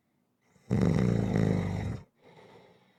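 One long, vibrating, throaty snore on inhalation, followed by a softer breath out. Snoring.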